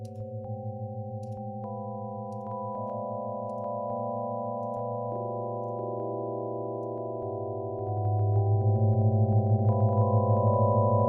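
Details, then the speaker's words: Sonified EEG seizure activity, channel 7 and multiple channels played at once, from a seizure dataset tool; layered steady electronic tones with fast rhythmic pulsing growing louder. "well that's what seure seure sounds like just in case you were wondering and of course you were wondering"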